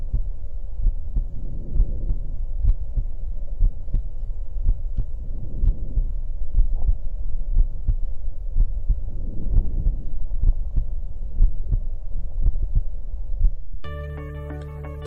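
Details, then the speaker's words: Diminished breath sounds: reduced transmission of lung sound to the chest wall from interposed air or fluid. "disminución o evolución del promedio pulmonar puede disminuir la transmisión del ruido pulmonar hasta la pared torácica por interposición de aire o líquidos"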